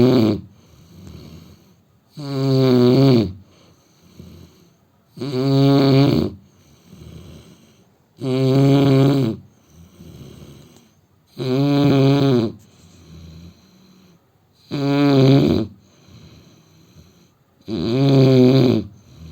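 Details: Indian man snoring while asleep: loud, regular rumbling snores on each in-breath, about 20 a minute, with quieter out-breaths between; heavy snoring.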